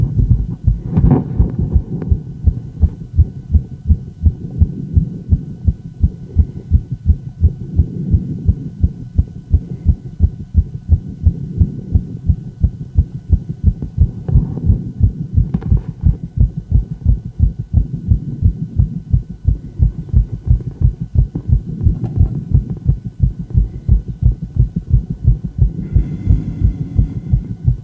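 Quick, steady run of heart sounds throughout, fitting a fast heart rate in an adult.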